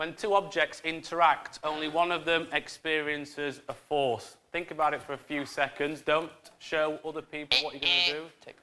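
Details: Adult male speaker; Ordinary fluent speech.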